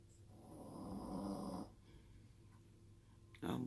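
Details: Snoring in a sleeping Shih Tzu dog: drawn-out noisy rattling breath with a quieter return breath, in a quiet room.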